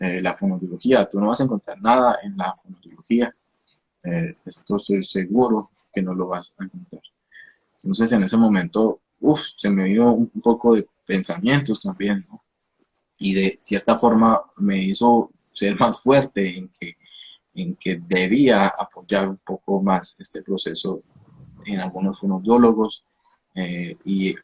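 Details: Stuttering in a 29-year-old man, himself a speech-language pathologist, with onset at age 13; he believes it was emotionally triggered around a hospitalization, with a genetic component since his father also stutters; finding: stuttering.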